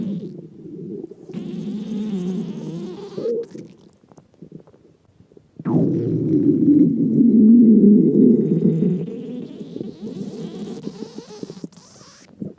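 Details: Three people's stomach growls: long, low gurgling rumbles with brief pauses between them; ordinary stomach growling (borborygmi) from gut movement.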